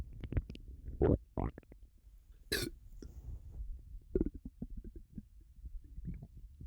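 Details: Self-described bloated, upset stomach: gurgling, bubbling low rumbles with a few louder gulping bursts and a burp; active bowel sounds (borborygmi).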